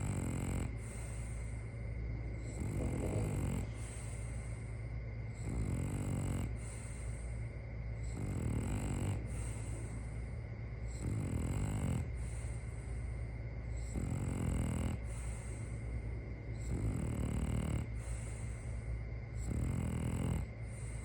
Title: My Dog Has That Human Snore Syndrome